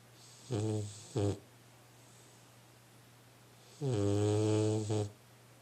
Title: Puppy Matches are EXHAUSTING! snore, snuffle, snore